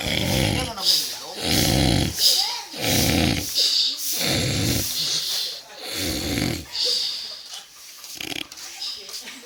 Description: Lucu..mendengkurnya kelewatan..